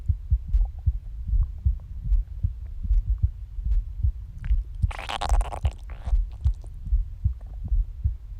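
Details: Heartbeat about 75 a minute with uneven spacing, occasional pauses and skipped beats, plus a brief gurgling stomach growl; irregular heartbeat with skipped beats.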